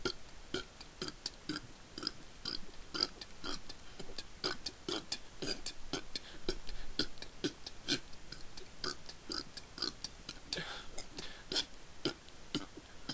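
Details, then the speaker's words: Man deliberately burping on an empty stomach in a most-burps-in-a-minute record attempt: a rapid string of short burps, roughly two a second, with a clock ticking in the background; burping. "This is, and I'm setting the record for burps in a minute."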